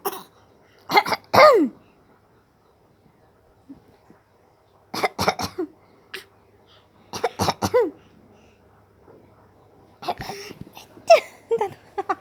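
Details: A 7-month-old baby makes short bursts of play coughing mixed with little voiced sounds, imitating a cough as a normal developmental behavior.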